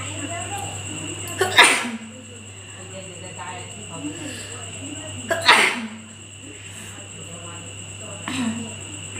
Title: Nose sneezing and blowing challeng part 2//Requested video